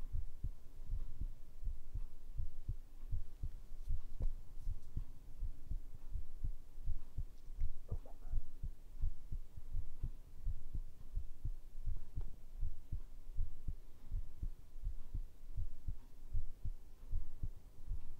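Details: Steady, deep, soft thumping heartbeat, about 78 beats a minute with a faint low hum, recorded as ASMR heart sound; normal regular heartbeat.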